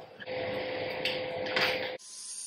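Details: Steady motor whine with grinding for about two seconds as a central drill hole is made in the refashioned distal femur during knee disarticulation amputation in a male patient with CRPS and tibial plateau fracture.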